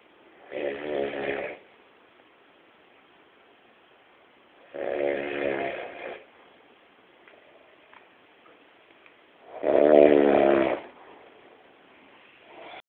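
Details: Man sleeping deeply, snoring: three loud, rattling snores roughly every four to five seconds, about 14 breaths a minute, with quiet pauses between.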